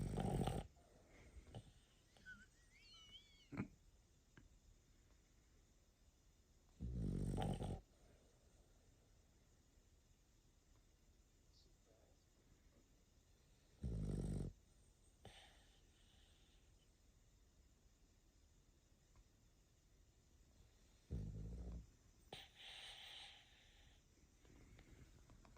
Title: passed out snoring